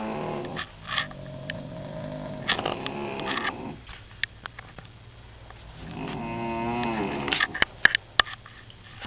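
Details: Grandmother asleep in a hotel room on vacation, snoring loudly enough to wake a family member, likened to a chainsaw: long, harsh, rattling inhaled breaths with quieter gaps; snoring.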